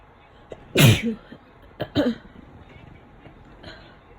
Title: Exhausted Cold Sneezes